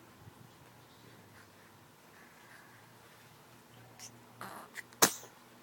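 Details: Quiet room, a few soft sniffs, then one sharp, brief sneeze burst at the end; sneezing.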